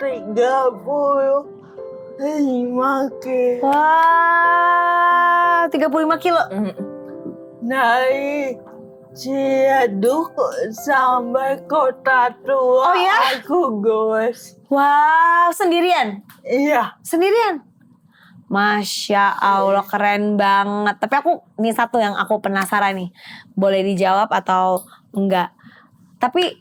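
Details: Adult woman with cerebral palsy limiting gross and fine motor skills; dysarthria (cerebral palsy).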